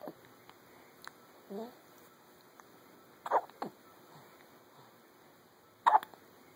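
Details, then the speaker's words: Infant girl with hiccups in the morning, between smiles: a few brief, sharp hiccup sounds in a quiet room, ordinary hiccups. "good the hiccups this morning whoa that was a big one"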